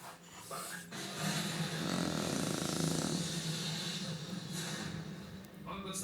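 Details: A 3-month-old female Shar Pei puppy snoring while sleeping: loud rattling, snorting breath noise that swells and fades with each breath.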